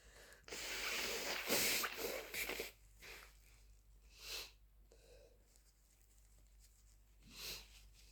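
A long, forceful nose blow is followed by a few short, breathy bursts, fitting flu-related coughing and blowing.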